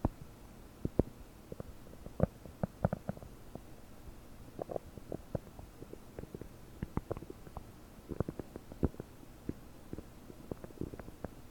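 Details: Frequent small pops and bubbly gurgles over a quiet hiss, recorded with a desktop microphone about 9 hours after starting on 30 prunes; bubbly, bloated gut with increased bowel sounds (borborygmi).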